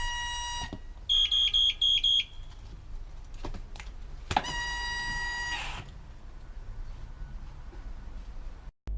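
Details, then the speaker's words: Ventilator alarm: a short burst of loud, rapid high-pitched beeps, then a steady tone, from a PneuPac ParaPac ventilator's switch-on self-check, which sounds one burst of the high-pressure alarm; a normal test in a paramedic demonstration. "to complete a shelf check the alarm light should flash in sequence there should be one burst of the high-pressure audible alarm and the orange indicator should flash for 60 seconds"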